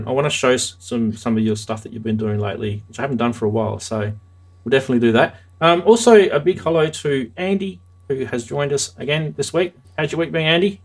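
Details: Adult male speaker; ordinary speech.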